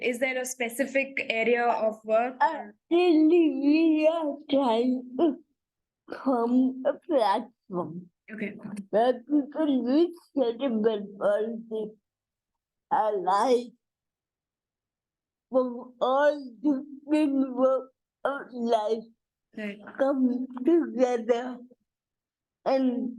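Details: Dysarthria in an adult woman with cerebral palsy, real speech.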